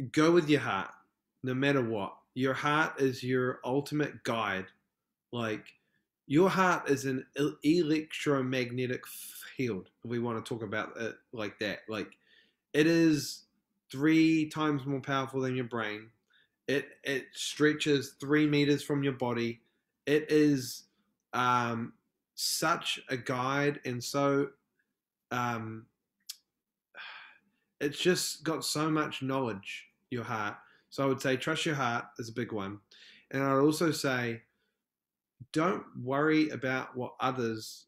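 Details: Adult male film director from New Zealand, a self-described proud person who stutters, heard in podcast interview speech: stuttering.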